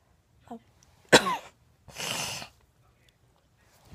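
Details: A child who says they are sick gives a sharp, explosive cough, then a longer, rougher, breathy cough after a short pause, in a quiet room.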